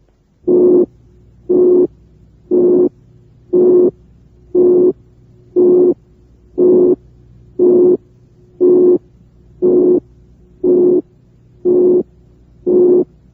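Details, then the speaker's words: Simulated musical murmur: a pure 360-cycle note reinforces a narrow band around 360 cycles, giving regular short tonal hums about 59 a minute, a high-pitched musical timbre resembling mild mitral or aortic regurgitation murmurs. "si super pongo la nota pura de 360 de frecuencia sobre la banda congregada alrededor de los 360 ciclos refuerzo la frecuencia de 360 y el soplo tiende a adquirir un timbre musical"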